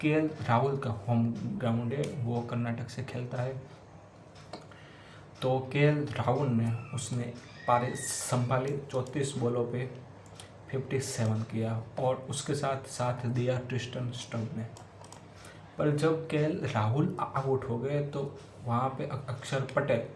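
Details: Male self-identified person who stammers, doing spontaneous storytelling practice in Hindi as part of daily home fluency training; stuttering.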